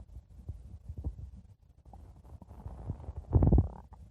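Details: Stomach growling: low, irregular gurgling rumbles swelling into a louder churning growl near the end.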